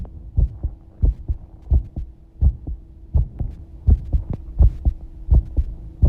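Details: Heartbeat recorded while bathing, heart rate shown approximately: regular paired heartbeats, about 80 a minute, with a steady low hum behind them; normal heart sounds.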